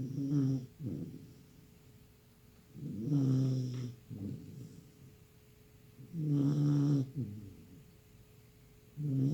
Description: A Bull Terrier puppy completely worn out after endless playtime, now enjoying a well-deserved nap with adorable snores